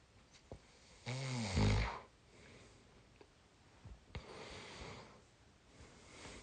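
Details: Tired 22-year-old snoring during sleep: one low, rough snore on a breath in, then quiet breathing with faint room noise.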